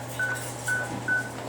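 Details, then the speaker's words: Veterinary patient under gas anesthesia, breathing through the anesthesia machine: monitor gives regular short beeps, one per heartbeat, about 135 a minute, with ECG and blood oxygen displayed. "And the wires tell us that the heart's beating. You can hear the little beep, beep, beep."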